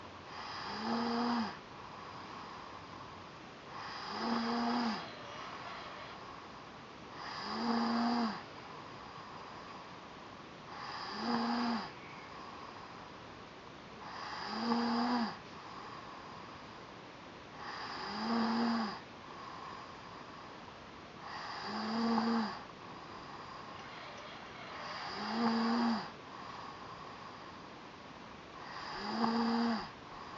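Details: Boy aged 5 years 8 months, 1 month after second supraglottoplasty: noisy, musical inspiratory stridor with each breath at about 17 breaths a minute; laryngomalacia.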